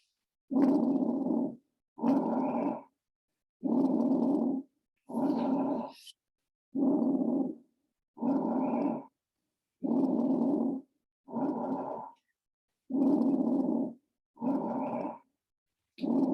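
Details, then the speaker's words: Library lung-sound recording in a respiratory assessment lecture: regular rough breath sounds with crackling, rattling texture through each phase; crackles, usually heard at the lung bases, finer ones suggesting fluid filling. "Yeah, so if you hear these crackles, be concerned. You will most likely hear these sounds at the bases, especially if you hear them fine."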